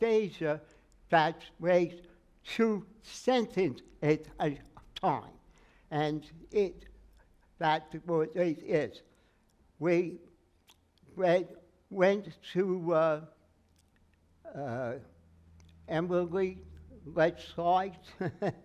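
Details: Aphasia after stroke in an adult male who says he never regained more than 80% of his speech; he works with a speech therapist and an aphasia group, and word-finding errors and garbled phrases occur.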